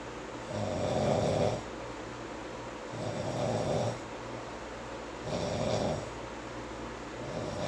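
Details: Male sleeper snoring and sleep-talking: three slow, rough snores on breaths in, about 26 a minute, over quiet room noise.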